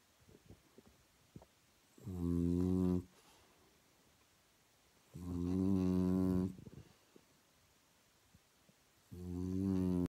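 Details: Sleeping French bulldog: loud, low-pitched rattling snores, about three within ten seconds, with quiet pauses between; snoring.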